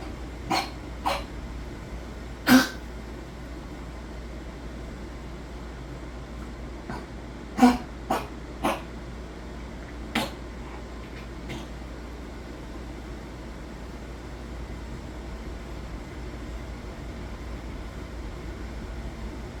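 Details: Dog coughing, about eight short, sharp coughs in loose clusters; owner states fluid in the lungs; cough with fluid in the lungs.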